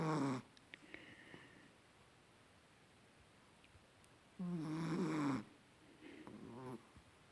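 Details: Sleeping chihuahua: two harsh, buzzy snoring breaths with quiet room noise between them.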